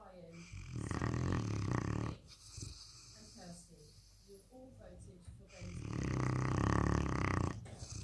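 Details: Presa Canario puppy asleep, snoring very loudly: loud, rough, low rattling snores on each breath with quieter pauses between; ordinary snoring.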